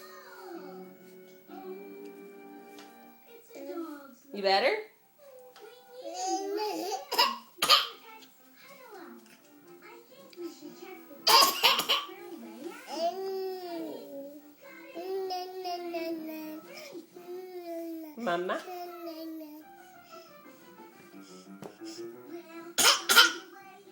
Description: 10.5.11 is fake coughing